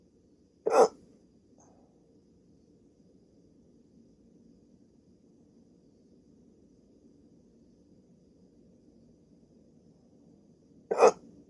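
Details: Hiccups in a person with sleep apnea, during a 16-minute attack on waking after sleeping with a CPAP mask: two sharp, abrupt hiccups about ten seconds apart over faint steady background noise.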